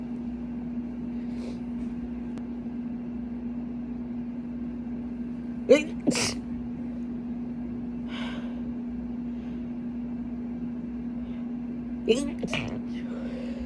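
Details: A few brief, muffled sneezes deliberately induced and held back with closed mouth, quick breaths between, over a loud air-conditioner hum; stifled sneezing.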